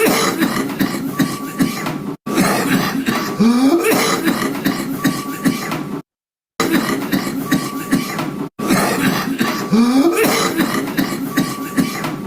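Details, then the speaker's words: Emetic cough: bouts of harsh coughing and throat clearing with a rising, gagging, retch-like sound, played twice. "Y por último es una tos emitizantes desde una tos en la cual"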